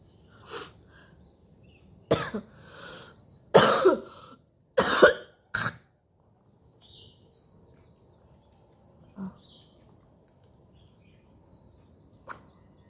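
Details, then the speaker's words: Woman with sore throat, fever and heavy morning phlegm, just woken, bringing up thick creamy-colored sputum into a bowl: several forceful, harsh hawking coughs and throat clears, spaced out, then quiet; productive cough. "देखो इतना ही निकला ठीक है बहुत ही घना था अरे morning का कफ था तो बहुत हैवी था ठीक है"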